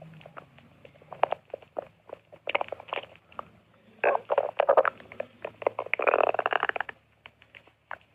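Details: Quiet, irregular bubbling and gurgling bursts in a small room; ordinary stomach growling from gas and fluid moving through the gut.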